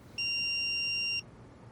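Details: An iPAD AED in a CPR training demonstration gives a single steady, high-pitched electronic tone lasting about one second before CPR voice prompts, then quiet room noise.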